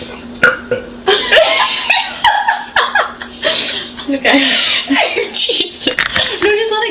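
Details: Repeated voiced croaking burps run together with speech-like sounds and laughter, possibly talking while burping, after drinking soda; burping.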